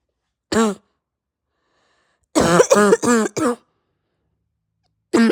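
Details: Person with pounding head, raw sore throat, heavy chest and stuffed nose: six harsh, voiced, honking coughs, one alone, a rapid run of four, then one more, silence between; barking cough, hacking nearly to vomiting.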